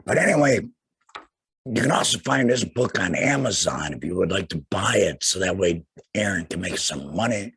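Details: Adult male after total laryngectomy for cancer, speaking without a larynx; voice method not stated; laryngectomy voice.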